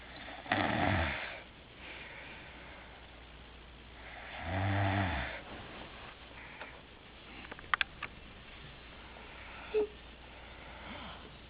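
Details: A sleeping sister snores: two loud, rattling snores on the in-breath about four seconds apart, with quiet breathing and faint room noise between them; ordinary snoring.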